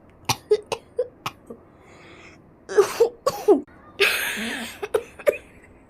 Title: öksürük tutan Türkiye